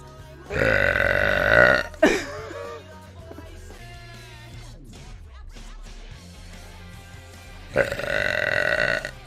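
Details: Woman's two long, loud, deliberate belches over background music; burping.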